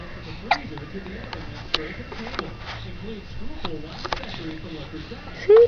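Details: Young child with hiccups: several short, abrupt gulping hiccups, with soft voices in the background.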